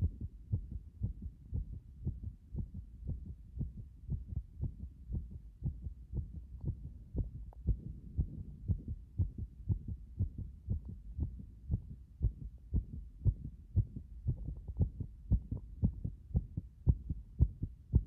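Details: Heart state after compression: a steady, low thumping heartbeat at roughly 115 beats a minute, fast, with muffled recording noise.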